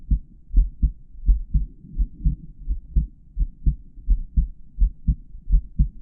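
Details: Normal heart sounds of a male heartbeat recorded in real time through a microphone inside stethoscope earpieces while auscultating the heart valve areas.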